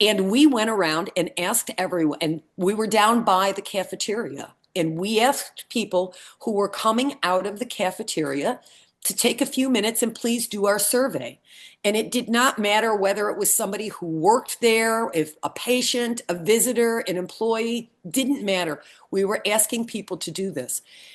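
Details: Adult woman speaking; normal fluent speech.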